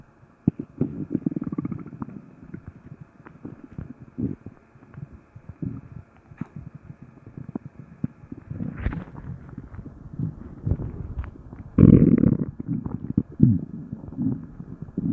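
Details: Stomach growling: low, bubbling rumbles and gurgles with a louder growl near the end, normal gut activity.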